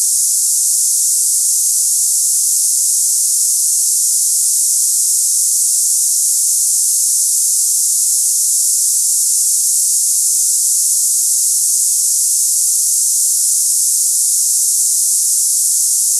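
Steady, unbroken high-pitched hiss like cicadas, with no change over time; an imitation of hissing tinnitus.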